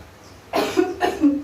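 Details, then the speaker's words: Nurse demonstrating effective-cough training for a patient: deep breath, hold 3 seconds, then two firm, deliberate coughs in quick succession to clear phlegm; voluntary cough. "Batuknya 2 kali ya Bu, seperti ini saya contohkan. Tarik nafas dalam, tahan 3 detik, kemudian batuk."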